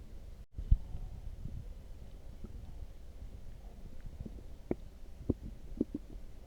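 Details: Loud stomach growling after drinking coffee: low gurgling rumbles with short bubbly squeaks from the belly; borborygmi.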